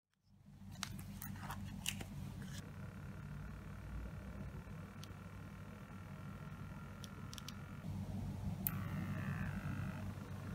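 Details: Citizen CH650 wrist blood pressure monitor being tested after repair: a low steady buzzing pump hum with a few clicks as it inflates its cuff.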